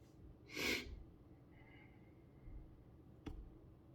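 A single sharp, hissing burst of breath, then a quiet room and a brief click: one sneeze.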